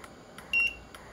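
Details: A single short electronic beep as an LTV-1200 mechanical ventilator powers on before programming and connection to the patient; normal start-up tone.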